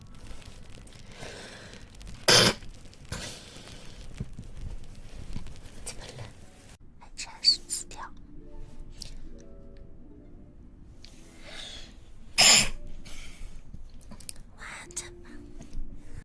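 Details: Young Chinese woman with allergies: two loud, explosive wet sneezes about ten seconds apart, with sniffing and soft breathing between; sneezing.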